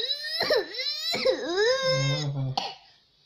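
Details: Young child pretends to cough while playing, faking a cough to ask for cough medicine; a few high, voiced, whiny put-on coughs rather than a real cough.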